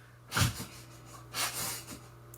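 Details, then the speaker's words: Sneezing: pet dog in the background gives two short, sharp nasal bursts a second or so apart over a steady low room hum. "you can hear my dog Kono sneezing in the background. Sorry about that."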